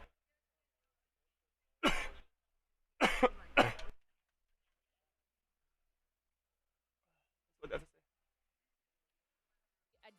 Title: gets a sudden Heart Pain and starts coughing alot